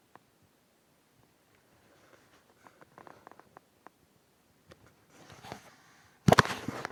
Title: Stomach growling